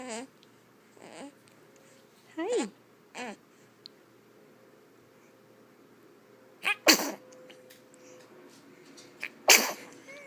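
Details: Infant gives two sharp, high sneezes between soft baby vocal sounds; a normal baby sneeze.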